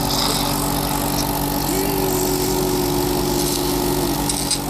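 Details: Suction machine running during nasal suctioning of a congested patient who also uses Respironics cough-assist: steady motor drone with a gliding tone as secretions are drawn through a catheter passed along the top of the nostril to the back of the throat.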